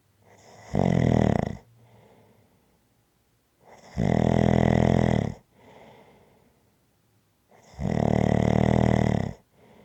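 Loud, rough snores on each breath in, about 16 a minute, with quieter breaths out between them.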